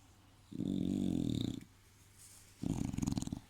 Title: Snoring English Buldog